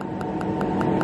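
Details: Laser tattoo removal, first session on a blue, green and black tattoo; patient calm and reports no pain: rapid regular ticking pulses, about five a second, over a steady machine hum as the laser fires.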